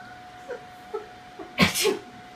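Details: Siamese cat that is said to dislike sneezing: faint soft noises, then one sudden loud burst of air with a short tail, a single sneeze, with a steady background tone; sneezing.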